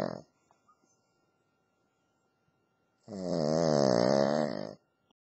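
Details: Snoring from a sleeping Cavalier King Charles Spaniel: a single long, loud, buzzing snore on an in-breath, with quiet between breaths.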